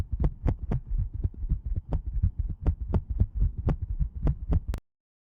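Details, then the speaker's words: Atrial fibrillation auscultated in an animal during a veterinary cardiovascular examination teaching session: fast, chaotic heartbeats with uneven spacing and loudness. "et donc là je vous ai mis et je vous laisserai les écouter tout à l'heure l'ASR et une fibrillation atrielle je vous ai mis ces deux exemples en rouge"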